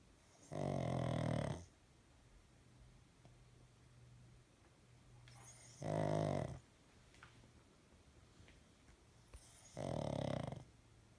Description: Eric the pug snores loudly